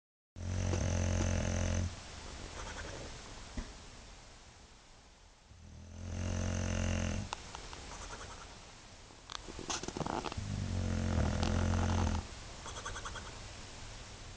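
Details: Sleeping dog with loud, low, rumbling snores on inhalation, alternating with quieter breathing; snoring.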